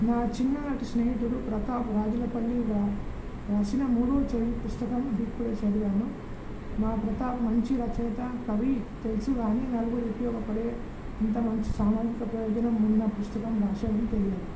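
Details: Adult male speaker reading aloud; Puberphonia.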